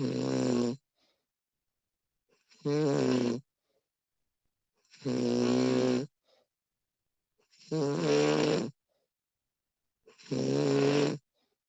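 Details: Woman snoring during sleep, recorded with professional audio: loud, regular rattling snores with quiet pauses, about five snores in twelve seconds.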